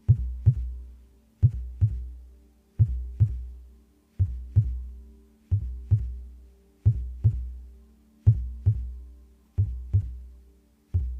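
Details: Normal heartbeat, recorded without talking: slow, steady lub-dub pairs at about 44 beats per minute, each beat with a booming low echo.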